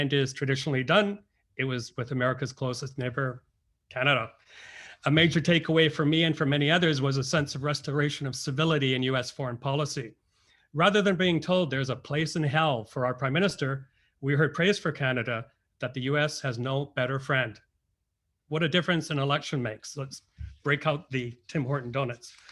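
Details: Adult male speaker; Normal speech.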